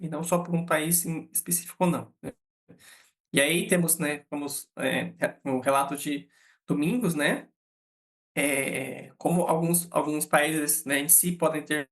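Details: Adult man, a psychologist who states he himself stutters, speaking Brazilian Portuguese; real stuttering.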